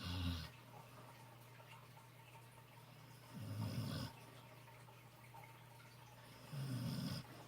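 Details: Dog Sparky snoring during a sunny-face nap: low, fluttering snores about every three seconds, roughly 18 a minute, over a steady hum.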